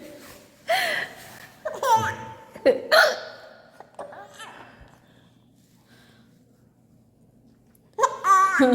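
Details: Hiccups in a mother and her baby: the baby laughs at the mother's hiccups, then starts hiccupping too. Several short, abrupt hiccups mixed with a baby's laughter, a pause, then more laughing.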